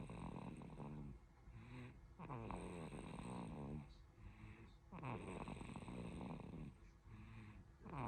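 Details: Tired, sleeping 5-month-old baby snoring: soft, low, buzzy snores on each breath, paced slowly with quiet gaps between.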